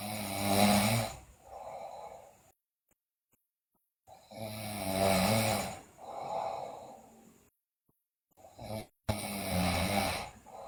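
Loud, rough snores on each breath in, with softer breaths out and brief pauses, about 13 breaths a minute; snoring during sleep.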